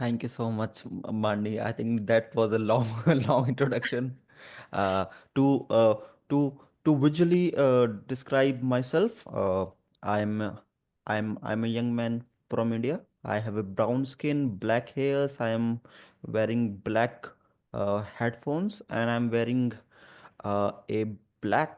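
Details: Adult who stammers (stutters) and is a disability advocate, with stuttering reported especially on the "through" sound and on his own name; stuttering.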